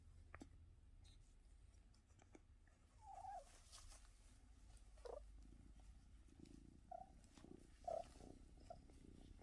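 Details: Cat after a coughing spell: steady low purr with several brief, soft whimpering squeaks; whimpering vocalizations with purring.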